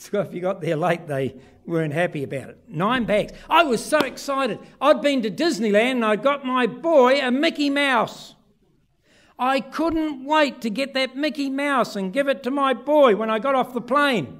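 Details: Adult man; normal speech.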